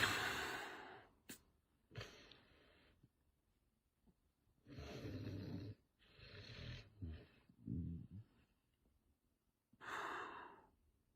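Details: Irregular rough, rattling breath noises with pauses and a few soft snorts from a snoring man (dad) asleep while his Chihuahua cuddles with him; snoring.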